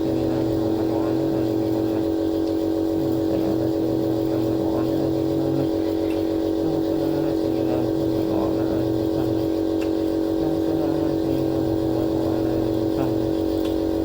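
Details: Steady mechanical hum and buzz of a running nebulizer compressor giving a nebulizer treatment for cough, with faint voices in the background.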